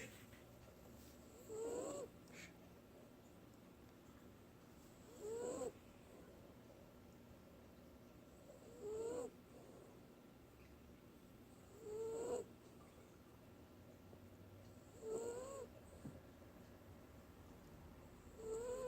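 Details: Sleeping wiener dog (dachshund) that sleeps hard: soft, high squeaky snores every three to four seconds, about 18 a minute, with faint room noise.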